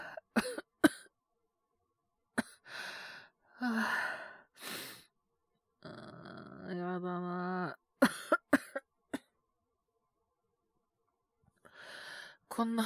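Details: Acted cough by a male Japanese voice actor playing a young worker whose cold worsened after resting, with a low fever of 36.9°C. Several short, harsh coughs with sighs, throat clearing and a groan. Simulated cold cough.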